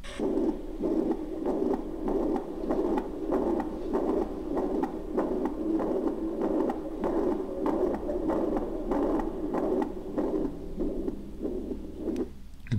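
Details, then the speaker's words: Mitral regurgitation murmur in a cardiac auscultation teaching recording: regular heartbeats with a steady blowing murmur filling the gaps between beats. "was mitral regurgitation murmur. Please, mitral regurgitation murmur once again."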